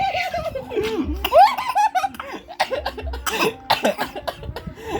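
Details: Hearty laughter breaking into short coughing bursts; a cough set off by intense laughing.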